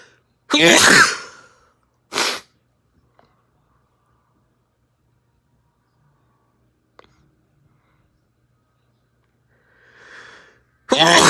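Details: Adult sneezes three times, set off by a clothes tag put up the nose: a loud full sneeze, a short second one, then another after a brief inhaled build-up; sneezing.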